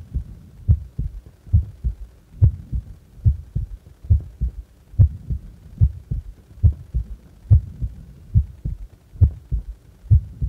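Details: Resting heart recorded while doing nothing, from a 10-minute recording: steady, low paired thumps at about 71 beats a minute, a regular normal heartbeat.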